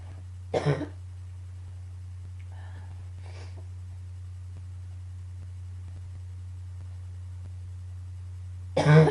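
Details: Two brief cough bursts several seconds apart over a steady low hum, with faint throat sounds between, during a coughing fit combined with allergies; cough.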